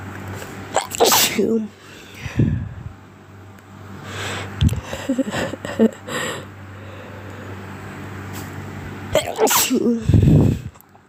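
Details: Repeated bout of loud, sharp sneezes with quiet gaps between them, recorded while the person was sick (since recovered); sneezing.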